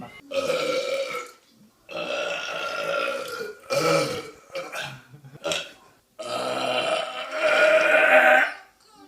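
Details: Deliberate loud burping: several long, deep, voiced belches in a row with short pauses, recorded on a phone.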